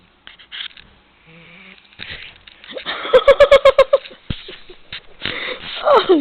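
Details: 2-year-old golden dog sleeping and snoring loudly enough to keep everyone up all night.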